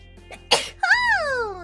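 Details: A single sharp, breathy sneeze from a female VTuber during a stream, followed by a high, falling voiced sound, with faint background music: sneezing.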